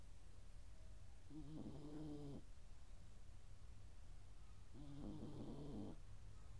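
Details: Sleeping dog snoring: two rough, rattling snores roughly three and a half seconds apart over a steady low hum.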